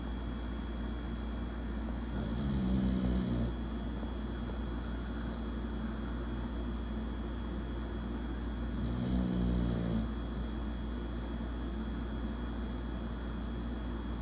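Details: Two-year-old American Bully dog snoring: two long, low, rumbling snores about seven seconds apart over steady room hum.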